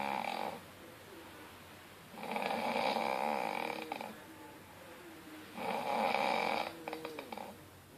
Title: Snoring man